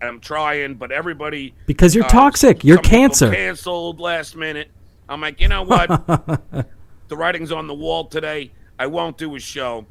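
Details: Adult man known for his stutter, speaking on a podcast; several repetitions of 'i' are heard; stuttering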